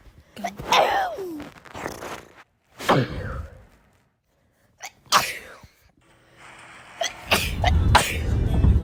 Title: Sneezing Compilation!